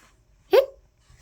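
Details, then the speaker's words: Acted hiccup in a read-aloud children's story: one short, sharp voiced 'hic' sound; imitated hiccup. "Kipper a shock will get rid of it said Biff hick hick sh said viff then boom you did it said sker you got rid of my hiccups"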